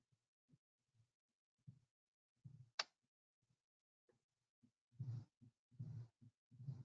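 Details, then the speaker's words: Simulated mitral stenosis on a SAM 3G auscultation manikin: heartbeat near 75 a minute with sharp clicks and a low, drawn-out rumble between beats. "it'll play the knicks down for me which i had put into my lesson which is mitral stenosis so you can hear that"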